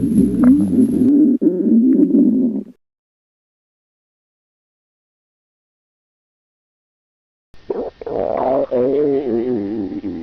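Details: Loud stomach growling (borborygmi).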